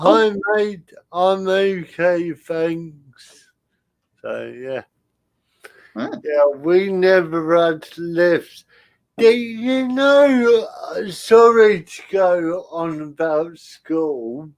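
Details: Adult male with spastic cerebral palsy attributed to lack of oxygen at birth, affecting limb control and speech; dysarthria (spastic cerebral palsy).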